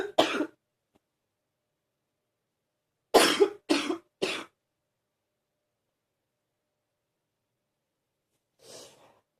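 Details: Deep cough in someone feeling a bit better: an adult gives a single deep cough, then a quick run of three, then a fainter cough after a pause: a deep, chesty cough.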